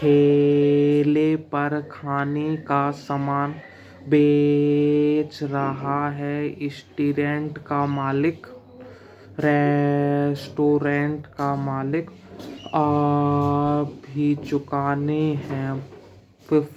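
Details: Man who says he has almost overcome his own stammering reads Hindi newspaper aloud slowly, pausing for a mouth breath every three to four words and stretching the first letter; stuttering, fluency-shaping speech technique.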